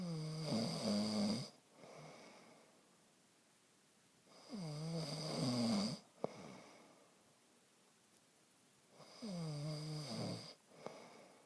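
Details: A man snoring at night, recorded on his phone: loud rattling snores on each in-breath, about 13 a minute, with quiet breathing between them; ordinary snoring.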